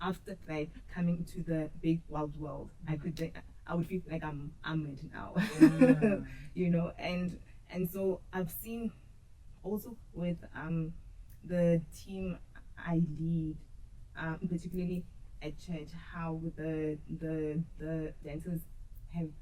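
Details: Adult woman who stutters, audibly in her speech, and who says she used to struggle a lot with stuttering. Finding: stuttering.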